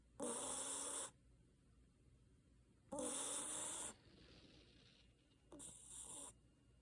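Three loud, rattling, hissing snores, each about a second long, at slow breathing intervals; snoring.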